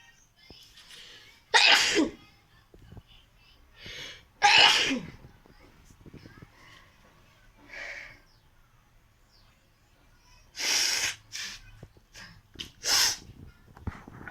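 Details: Sneezing challenge, performed on purpose: several sharp, explosive sneezes with softer breathy sounds between them.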